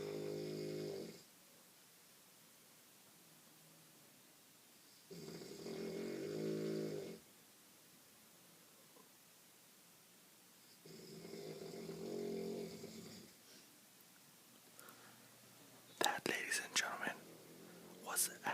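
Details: Parents (adult man and woman) asleep: loud rattling snores of about two seconds each on breathing in, with quiet pauses, about 10 breaths a minute; handling noise at end; snoring.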